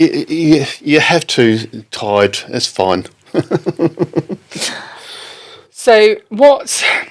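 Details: Adult man with aphasia after a stroke in October 2019, affecting speaking, reading and writing; halting, non-fluent speech; non-fluent aphasia.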